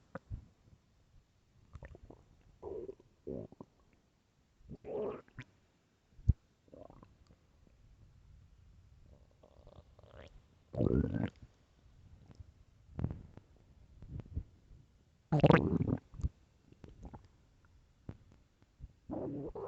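Loud, irregular gurgling and rumbling bowel sounds in bursts with quiet gaps; ordinary stomach growling.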